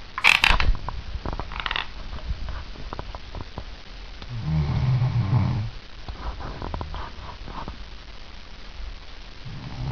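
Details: Adult woman asleep: sharp repeated clicks and scraping of teeth grinding, with one low snore in between; sleep bruxism.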